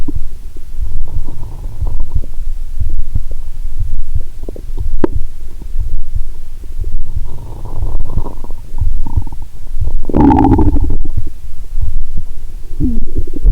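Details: Stethoscope recording of the belly while lying down, after drinking cola and swallowing Mentos: low rumbling with bursts of gurgling and bubbling over a steady low background; heartbeat also audible; active bowel sounds.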